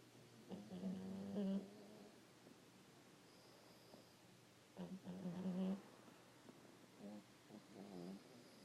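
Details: Sleeping pug: low, rattling snores with each breath in, about 14 breaths a minute, over quiet room noise; snoring.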